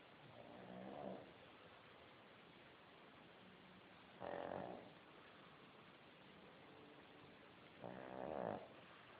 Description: This our dog snoring